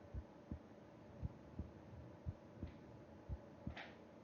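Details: Heartbeat heard with an ear against the chest of a person sleeping: soft, regular low thumps at about 60 a minute over steady room hum, with a faint breath noise near the end, a normal resting heartbeat.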